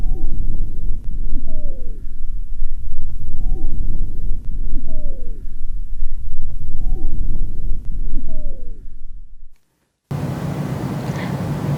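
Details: Child's chest auscultated with a stethoscope, pediatric teaching example: low rushing breath sounds, about 26 breaths a minute, each with a brief musical whistle falling in pitch: wheezes.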